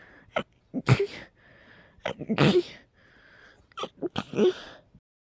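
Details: Person with a cold and allergies, having intense sneezing episodes every couple of hours, gives three forceful sneezes in quick succession, each after a sharp intake of breath; sneezing fit.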